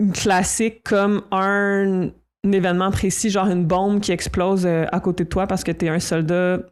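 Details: Adult woman who stutters; stuttering.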